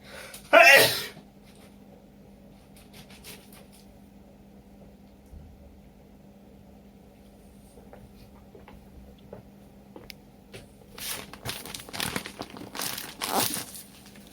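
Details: An adult with a cold, sneezing and sniffling all day, gives one sharp explosive sneeze, then a run of short nasal bursts and sniffs. The sneezing started after a shower and taking out a thick sweater.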